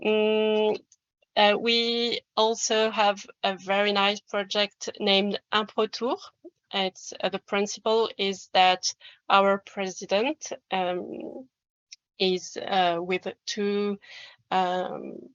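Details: Adult French man who describes himself as a person who stammers, speaking English; stuttering.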